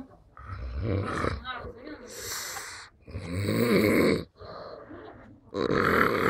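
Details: Sleeping person snoring: loud, rough, snorting noises repeating irregularly, some with a grunting, pig-like quality.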